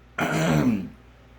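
One short, rough, rasping burst of throat clearing lasting under a second in a quiet room.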